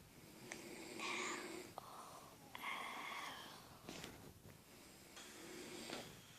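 Several whistling, wheezy snores on the breath, each lasting about a second, with quiet gaps between them; snoring.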